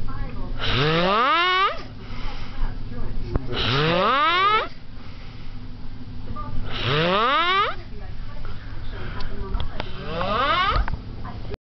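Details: Loud snores from someone who is deeply asleep, with a whistling, rising squeal at the end of each in-breath, about every three seconds; heavy snoring.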